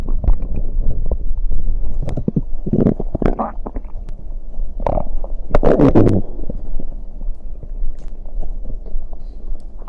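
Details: Stomach after drinking cider (fizzy drink), ASMR recording: continuous low gurgling and rumbling with bubbly pops; ordinary stomach growling (borborygmi).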